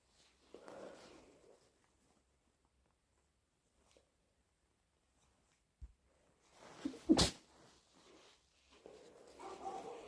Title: Induced hayfever sneezes and blows